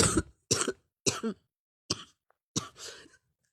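Five short, harsh cough bursts in quick succession from an adult, some with a brief throaty tail, in a quiet room: a run of coughing.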